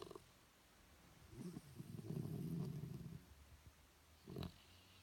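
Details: Shih Tzu dog snoring: low rattling, fluttering breath sounds, a drawn-out snore followed by a shorter one.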